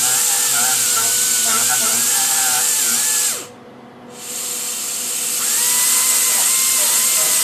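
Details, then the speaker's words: Whining drill that stops briefly, then restarts with shifting pitch: slow-speed dental handpiece with a round burr checking undermined cusps and caries on an extracted tooth #4 mounted in a typodont, during MOD direct composite onlay preparation. "so at this point rather than removing the cusps let's take a look at how undermined it really is and we're going to use a slow speed round bird"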